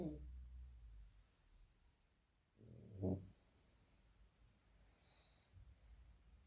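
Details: Pug dog snoring while asleep: one clear low, snorting snore amid quiet breathing and room noise.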